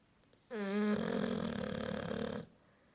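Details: A single loud, rough, fluttering snore lasting about two seconds.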